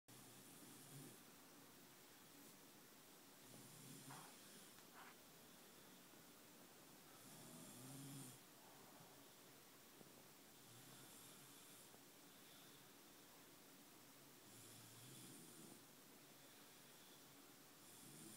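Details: Person sleeping: soft, irregular snoring breaths, about eight a minute, over steady room noise; snoring.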